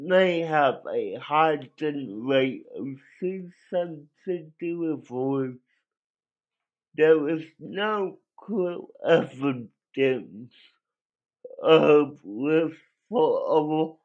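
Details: Adult male with cerebral palsy that he says affected his voice; he cannot walk and has muscle spasms; dysarthria.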